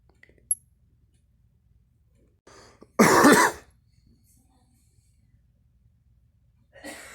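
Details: Coughing from a girl: cough.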